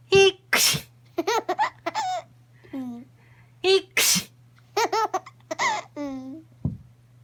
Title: 【赤ちゃん】くしゃみ【成長記録】